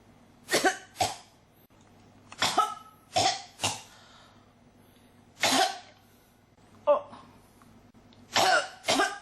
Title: 咳が止まらない 16 cough